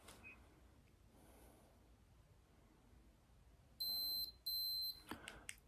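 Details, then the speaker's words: Two high electronic beeps from a blood glucose meter as a fingerstick blood drop is applied to the test strip, in a person with type 1 diabetes; reading then showed 10.2, slightly high. "And then what I will do is you put the blood on the little black, one of the little black side strips, like so. It will beep and then start loading."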